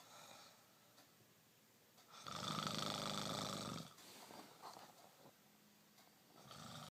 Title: Roncando